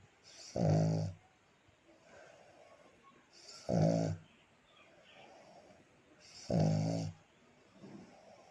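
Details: Black pug named Coco sleeping beside his owner: three loud, rattling snores on the in-breath, about 20 a minute, with quiet out-breaths between.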